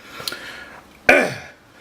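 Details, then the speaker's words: Single abrupt, rough throat-clearing burst with a short voiced tail after quiet room sound, from an adult whose voice is deepened by recent coughing and sniffling; throat clearing. "about my voice uh coughing and sniffling has really killed my voice so it might be a little bit deep for now"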